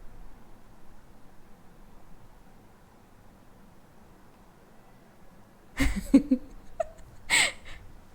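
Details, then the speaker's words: During a live coding stream, quiet room noise then a short burst of sharp sneezes near the end, a second following soon after; sneezer says they come in sets: sneezing. "Bless you. I hope you didn't hear that. नहीं, we didn't hear. I'm a professional sneezer."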